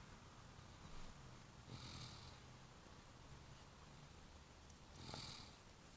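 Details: Snoring: soft, low rumbling snores over steady background hiss, a few breaths apart.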